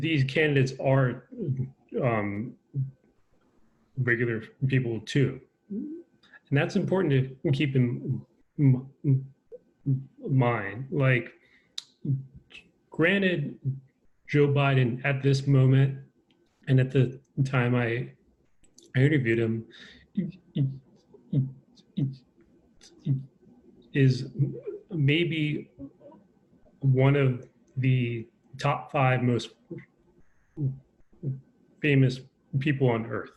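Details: Stuttering in an adult man with a lifelong stutter, who says he is less fluent when talking over Zoom.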